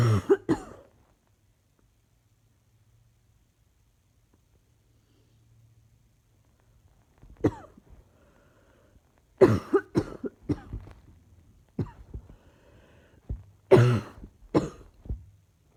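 Repeated bouts of short, sharp coughs with quiet pauses between, typical of a persistent cough.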